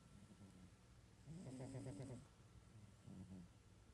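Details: A sleeping cat (Clyde, described as a fat cat) taking a catnap gives a low rattling snore on one breath, then a softer one, with quiet room noise behind.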